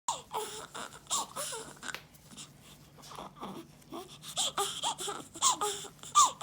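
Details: Newborn baby, six days old, crying: short bursts of thin, high-pitched cries with brief whimpers and breaths between; an ordinary newborn cry.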